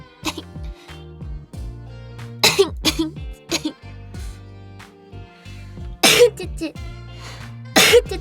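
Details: Several sharp, explosive sneezes from an itchy adult streamer over steady background music.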